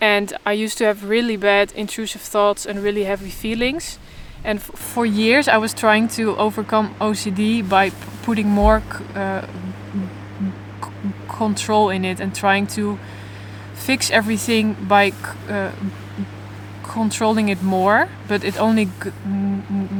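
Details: Adult woman who stutters openly but in a controlled way, in stuttering therapy for the first time and working toward letting go of control; stuttering.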